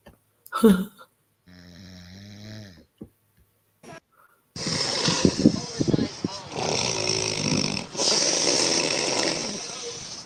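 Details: A woman snoring loudly while asleep.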